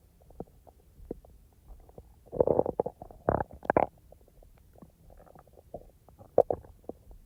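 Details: Real stomach rumbling and digestive noises from a person's active stomach, not recorded in real time: bowel sounds (borborygmi).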